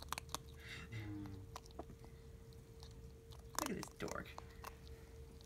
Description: My ferret Mulberry grinding his teeth when he eats.